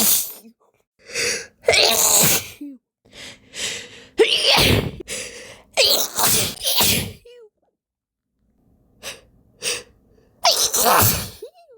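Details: Person with a slight cold deliberately inducing sneezes to relieve a tickle: a run of forceful sneezes, several preceded by gasping in-breaths, with snorting sounds in a quiet room.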